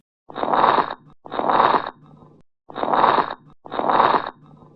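Simulated breath sounds with noisy, crackling inspirations repeating in cycles, consistent with lung crackles.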